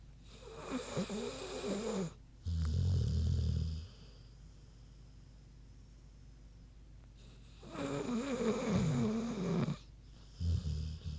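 A sleeping pig snores loudly. Rumbling, whistling breaths in alternate with deep snorting grunts out, about six breath cycles a minute.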